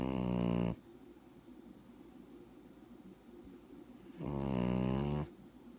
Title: Cute Puppy Snoring